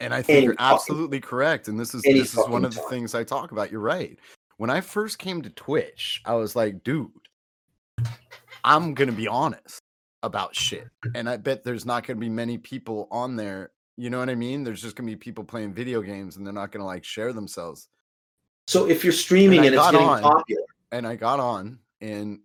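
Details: Adult male speaker; Normal conversational speech.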